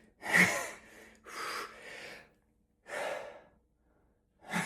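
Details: Sneezing fit in an adult, around the fifteenth sneeze, continuing despite nose-blowing: a run of sharp, breathy sneezes with gasping in-breaths between them.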